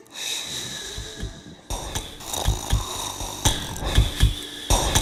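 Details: Irregular low rattling snorts and snoring noises from a sleeping pug, with a faint tone in the background; snoring.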